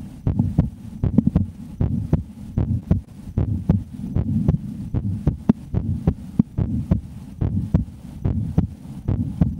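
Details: Two women on a weekend getaway listen to each other's heartbeats through a stethoscope: thumps at about 77 beats a minute, partly masked by rustling and rubbing, a normal resting rate.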